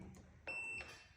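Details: Infusion pump being set up for home care of a cat with nasal cancer: a single short, high-pitched electronic beep, the pump's power-on alert.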